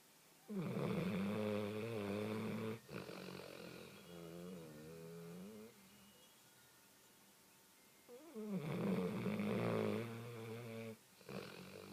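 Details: Snoring: long, droning snores with a wavering, whistly tone on the in-breath and a softer tone on the out-breath.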